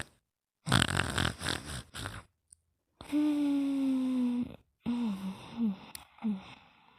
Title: Mimi's Super Slow Snore (1 minute and 41 seconds version)